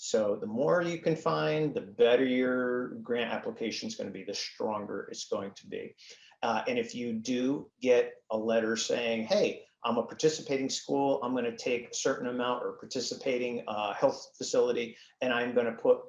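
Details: Man with spasmodic dysphonia, a neurological vocal cord disorder he says acts up; diagnosed a couple of years after 2001 through a telemedicine consult; he also has Duane syndrome, a neurological eye disorder; spasmodic dysphonia.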